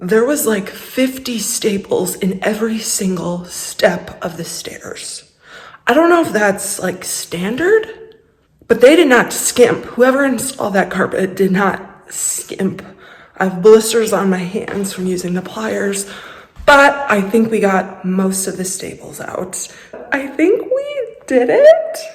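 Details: Vocal tremor in an adult woman who describes a lifelong vocal disorder that is a medical condition.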